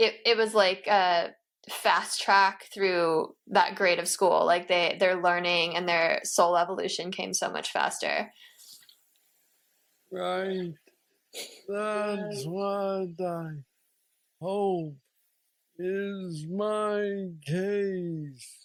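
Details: 46-year-old man with Parkinson's disease diagnosed at 35, about 11 years ago, which he describes as the most aggressive form, with mobility struggles and a deep brain neurostimulator implant; real patient; Parkinsonian speech (hypokinetic dysarthria).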